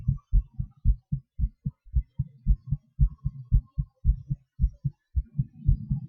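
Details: Person's own heartbeat recorded during breath-holds, panting and hyperventilation: fast, regular lub-dub beats near 110 per minute with a soft hum underneath in places; heartbeat with rate changes.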